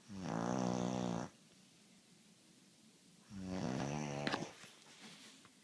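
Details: Man snoring: two loud, buzzing, rattly breaths about three seconds apart with a quiet pause between; snoring.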